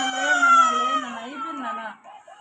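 A child's sustained, wavering cry lasting about two seconds, a pain cry during an IV cannula placement.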